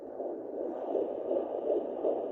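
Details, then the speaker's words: Fetal heartbeat at 12 weeks 5 days on a home Doppler, probe moved toward the middle of the abdomen: fast whooshing pulses, roughly 160 per minute, much faster than the mother's slower whooshing heartbeat heard at the side. "Definitely found it. That's the baby's heartbeat. It's much faster than"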